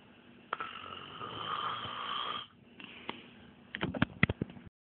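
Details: Man who says he never snores, snoring: a long, harsh, rasping breath of about two seconds, then quieter snorts and sniffs.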